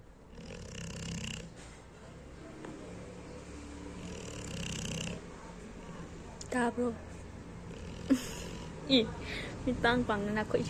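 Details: Sleeping Pitbull terrier snoring; soft, irregular snoring breaths with faint voices and squeaky sounds in the background.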